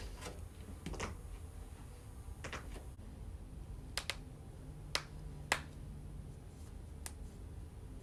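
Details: Joint cracking: a series of sharp, dry pops and clicks consistent with harmless joint cavitation.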